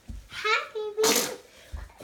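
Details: Baby's short voiced intake followed by one sharp, hissing burst while her brother talks to her; a single infant sneeze, light room noise.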